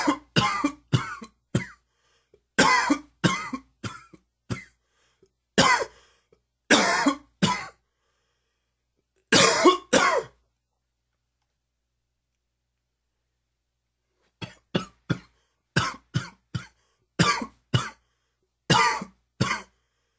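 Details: Allergy-related cough, dry and wheezy: repeated short dry coughs in clusters.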